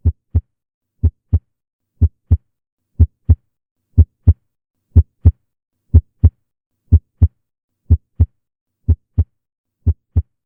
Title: Normal Heart Sound BY ENDOCHARDIUM